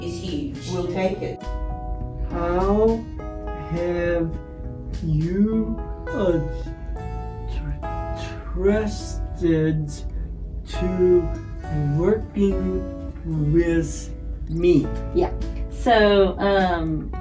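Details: Adult man with aphasia after a stroke, speaking with word-finding pauses; aphasia.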